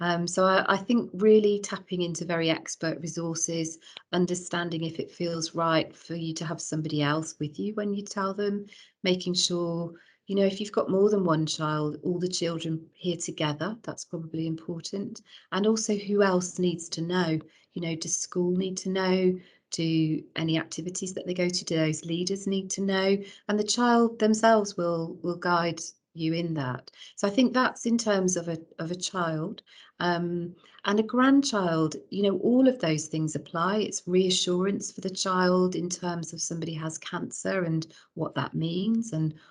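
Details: Adult woman speaking; normal voice.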